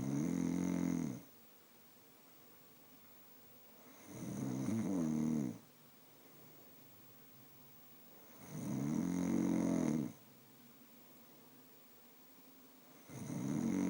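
Steady, deep, fluttering snores on the breath, about 14 a minute, with quiet pauses between them in a quiet room.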